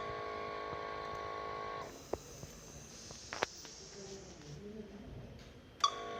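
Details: Mechanical ventilator: a steady machine tone stops, soft clicks and room noise follow, then the tone returns.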